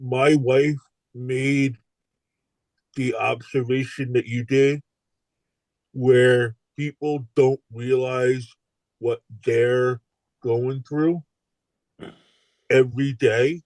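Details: Adult male stroke survivor with aphasia following stroke; aphasia.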